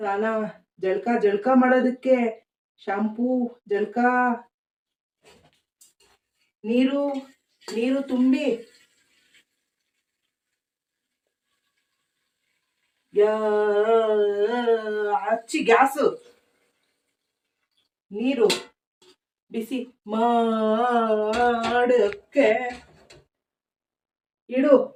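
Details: Acted stutter by an adult male character, a son described by his mother as a stutterer, in a Kannada comedy skit, with repeated and broken words; stuttering (acted).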